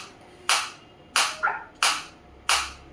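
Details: Biotronix high-energy focused (not radial) shockwave therapy device, applicator against the hand at energy level about 9 to 11: four sharp, loud snapping clicks about two-thirds of a second apart, single focused shockwave pulses.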